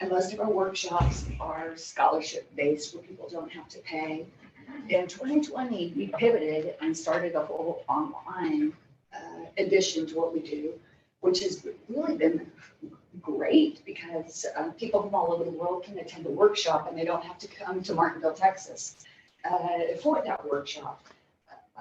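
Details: Adult woman diagnosed in 2020 with spasmodic dysphonia and essential vocal tremor, with epilepsy diagnosed in 1989 (spasmodic dysphonia with vocal tremor).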